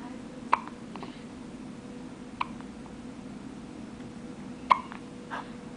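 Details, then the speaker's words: Newborn girl on the day of her birth: three brief, sharp hiccup sounds a couple of seconds apart over quiet room noise; newborn hiccups. "oh those are good hiccups"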